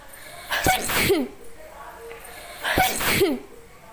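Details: Sneezing challenge after inhaling chili powder: two forceful sneezes, each with a quick gasp before the burst, over faint room noise.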